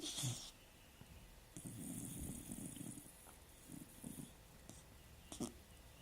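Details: Female dog snoring: soft, low, rumbling breaths recurring faintly beneath room noise and a few brief rustles.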